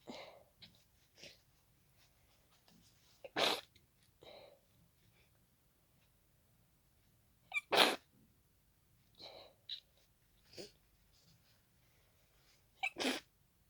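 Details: Hay fever sneezing fit triggered by pollen: a fast run of about five sharp, congested, messy sneezes into tissues, with sniffs and congested breaths between them.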